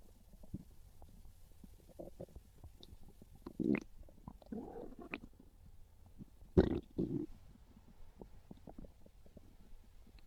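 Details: Low rumbling and gurgling with a couple of louder growls over faint background hiss; ordinary hunger stomach growling (borborygmi), described as craving pizza.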